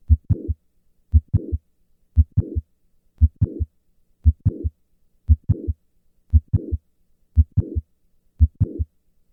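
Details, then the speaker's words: Regular heartbeat near 58 a minute, at rest then during hand grip, which raises afterload and moves the click later: S1, sharp mid-systolic click and short late systolic murmur of mitral valve prolapse. "listen to the change in the S1 click interval during a hand grip maneuver rest hand grip"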